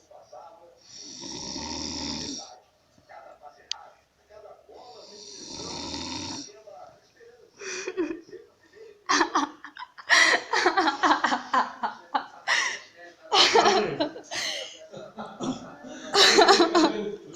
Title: Pai roncando 😂